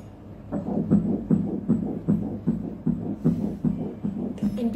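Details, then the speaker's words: Doppler fetal heartbeat of the first twin at 7 weeks 0 days in a dichorionic twin pregnancy, following a very low sperm count: fast, regular whooshing pulses at about 150 a minute. "ఓ ఇది first ట్విన్సెవెన్ weeks zero days ఇప్పుడు మనం ఈ twin బేబీది heart beat చూద్దామండి"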